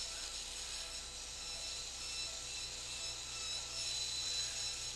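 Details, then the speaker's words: Surgical drill during right tympanoplasty in a 10-year-old girl with a Q-tip injury causing complete eardrum perforation; steady high-pitched whine and grinding while drilling bone to view the entire annulus, staying lateral to the malleus. "Drill on now, please. So as we come down here, we're going to try and just drill this down gently."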